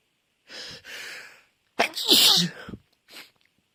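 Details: Adult sneezing fit: breathy intakes, then a loud explosive sneeze and a smaller trailing one in a quick run.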